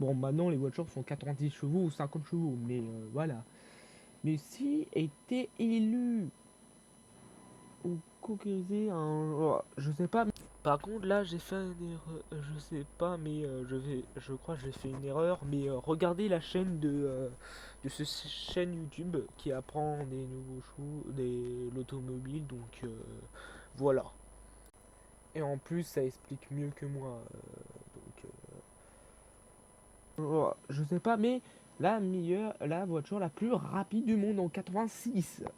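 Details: Young male speaker who self-reports stuttering and difficulty speaking, with panic or stress from fear of mockery; stuttering.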